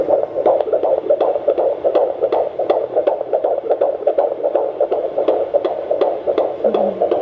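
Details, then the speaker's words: Handheld Doppler at a midwife appointment about a week before the 20-week scan; fast, regular whooshing fetal heartbeat, about 160 a minute. Called strong and normal (110–160 bpm); a VSD was found at the later scan. "So I don't remember, it's very normal for it to be this fast. It is normal, did you say? Yeah. Yep, so their heartbeat usually sits at around 110 to 160 beats per minute."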